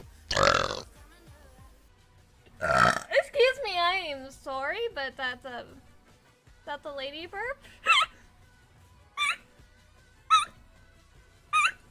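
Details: Two loud, drawn-out burps from a woman streamer, followed by laughter, chatter and "excuse me", music in background: burping.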